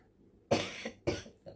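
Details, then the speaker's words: Adult with dry cough and itchy throat during the seasonal transition; two short, sharp cough bursts, dry without a wet rattle, in a quiet room; dry cough. "Assalamualaikum selamat pagi semoga kalian dalam keadaan sehat selalu ya di musim pancaroba seperti ini saya sedang terkena batu keringat"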